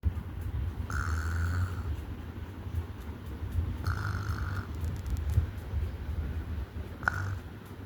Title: Snoring Kid